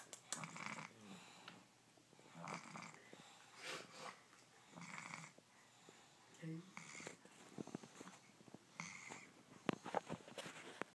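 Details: Snoring during an afternoon nap: repeated noisy rasping breaths during sleep with quieter pauses between them, said to take after her father.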